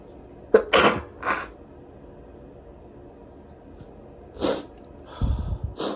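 A short run of sharp, explosive sneezes in a quiet room, with a few more bursts near the end.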